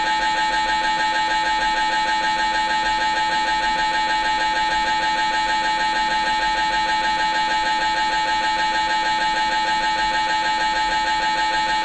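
Loud, steady, rapid mechanical buzzing with a tonal whine from an MRI scanner in operation.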